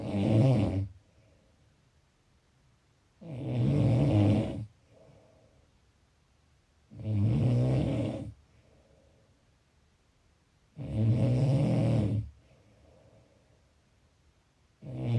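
Regular, rough, low snores on each breath in, about 16 a minute, with quiet breathing out between them: steady snoring.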